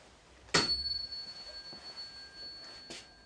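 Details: A sharp strike followed by a pure, high ringing tone that slowly fades; tuning fork struck for a Weber hearing test during a cranial nerve examination, the patient reporting the sound in the middle.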